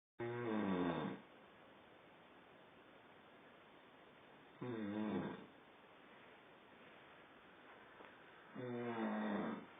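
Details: Loud groaning snores in sleep, short bursts about every four seconds (roughly 14 per minute) with a quiet hiss between; snoring.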